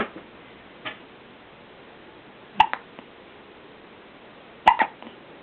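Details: Male with hiccups: sharp, brief catching sounds recurring a few seconds apart against a quiet background; hiccups.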